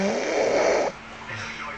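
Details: A person who fell asleep snoring: a single loud, rattling snore on the in-breath, followed by a quieter breath out.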